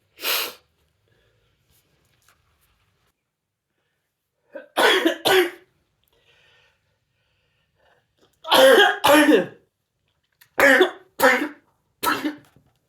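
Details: Repeated sneezing while reading The Raven aloud: a series of short, sharp explosive bursts, often in pairs, separated by quiet pauses.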